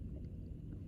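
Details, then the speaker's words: Woman's stomach growling during a conversation, loud enough that it was mistaken for an emu's drumming call. "My stomach is growling. I thought it was an emu. Oops. So you did hear it."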